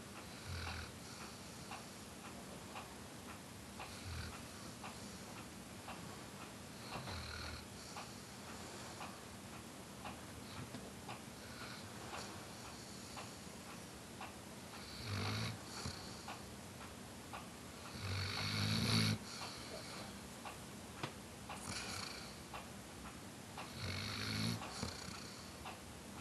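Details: Weimaraner dog snoring softly and regularly during a Sunday nap, roughly 17 breaths a minute, against quiet room noise.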